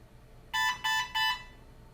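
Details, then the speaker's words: Three loud, steady electronic beeps, the pump-not-inserted alarm on a Centrimag ECMO console, demonstrated on a training circuit with a bag as the simulated patient. "Ah. There we go. That's the pump not inserted alarm."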